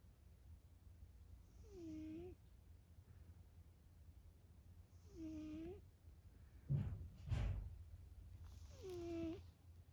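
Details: Sleeping cat, a former stray, makes soft rhythmic snoring sounds with each breath, about three breaths in ten seconds, with a faint squeak on each one.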